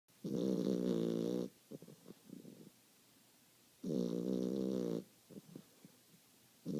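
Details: Long buzzing snores on each breath in from a sleeping dog, with short snuffling puffs on the breath out; snoring.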